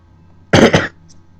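A single short, harsh two-part burst, like a cough or throat clearing, over quiet room hum.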